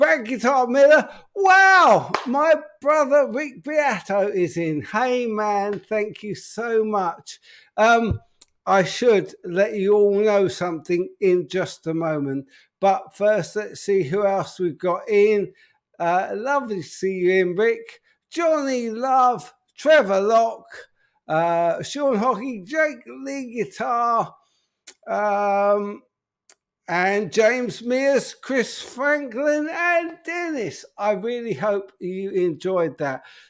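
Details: Adult man with an upper motor neuron disorder affecting speech, getting more evident; speech currently not great; spastic dysarthria (upper motor neuron).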